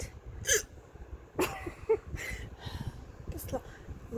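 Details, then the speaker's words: Person who normally rarely hiccups, hiccuping for about 10–15 minutes: several abrupt hiccup catches, some with a brief voiced squeak, amid breathing and room noise; ongoing bout of hiccups. "uper excited because who the hiccups but I've been doing this for like I don't even know ten minutes"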